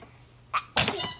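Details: Baby sneeze: a soft intake of breath, then one sharp, high, airy sneeze, with quiet room noise.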